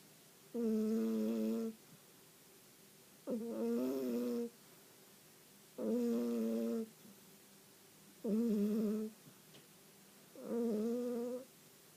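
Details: Sleeping cat snoring: five soft, buzzing, tonal snores at a steady rate of about 25 a minute over faint room noise.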